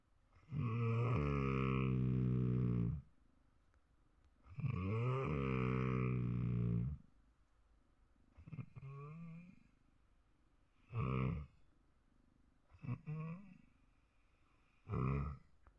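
Repeated loud buzzing, droning snores, some long and some short, with quiet pauses between them. Snoring.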